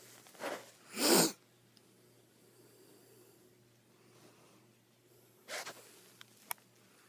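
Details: A quick sharp sneeze from a dog held in the owner's arms, with a smaller snort before it and another soft sneezing burst a few seconds later; sneezing.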